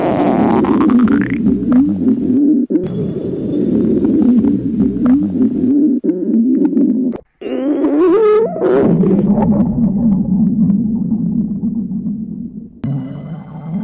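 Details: Girl portrayed as trapped in an elevator at the limit of hunger, staged entertainment recording: long, loud gurgling stomach growls with rising squeaky tones; borborygmi.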